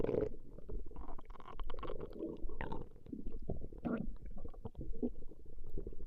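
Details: Ordinary stomach growling (borborygmi) recorded over 20 minutes: steady low rumbling and bubbling gurgles from the belly as gas and fluid move through the gut.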